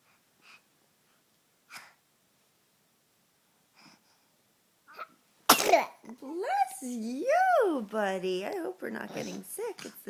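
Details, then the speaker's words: Young child sneezing; parent links it to the change of season: a few faint sniffs, then one sudden, sharp sneeze followed by the child's voice. "Every what you bless you Again What a cer sneeze"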